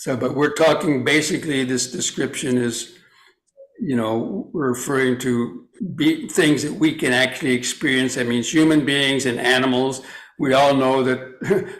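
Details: Adult male speaker; normal speech.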